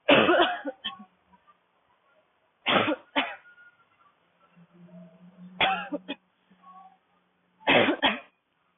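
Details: Adult woman with a dry cough: four separate bouts of short, harsh, dry, barking coughs, each a quick double burst.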